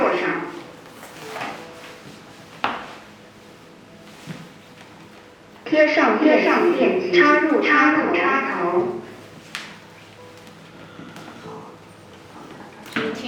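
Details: An AED, just opened and switched on during a hands-on first aid and CPR training class, speaks a short voice prompt amid clicks and room hum: AED voice prompts.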